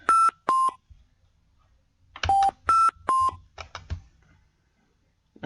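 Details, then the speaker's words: Repeating groups of short varying-pitch electronic tones: ventilator alarm on a Hamilton ventilator during an automatic tube compensation demo, with high patient effort, rising peak pressure and 100 L/min inspiratory flow, before silencing. "just going to Silence of alarm"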